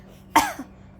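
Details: A single short, deliberate cough from a young child who has just learned to fake-cough on request; voluntary cough, not illness.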